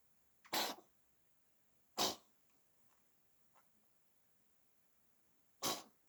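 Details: Female cat with a cold sneezing: three sharp, hissing sneezes a few seconds apart, part of a prolonged sneezing bout.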